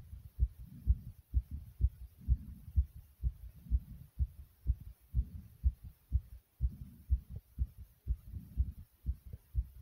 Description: My heart was pounding hard from inside my chest